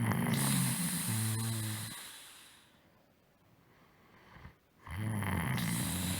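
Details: Snoring: loud, low rattling snores on breathing in, with a quiet pause between.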